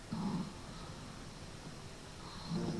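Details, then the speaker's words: A man records his own overnight snoring after drinking a couple of beers and eating a pot noodle; loud, low rattling snores at the start and end with a steady rumble between; heavy snoring. "and then went to bed and then thought now really if I was to record myself snoring tonight would be the night"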